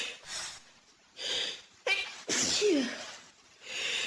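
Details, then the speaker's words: Person with hay fever sneezing naturally: a run of several sneezes with gasping breaths between them; repeated sneezing (hay fever). "Oh my god. I am so sneezy. It's actually painting me out. It just happens naturally."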